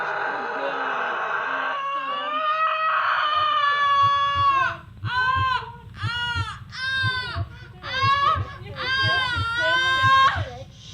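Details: Newborn girl just delivered at home birth, second child, after 6 hours 54 minutes of labor; repeated strong, high-pitched cries in bursts with brief breaths, over room rumble and faint music; vigorous normal newborn cry.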